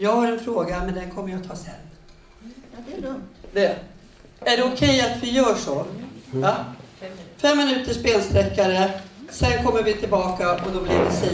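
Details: Adult speakers in a room; typical speech.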